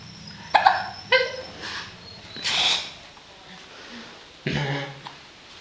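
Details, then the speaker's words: Three abrupt, sharp hiccup sounds at irregular intervals with faint noise between; hiccups. "you got the hiccups?"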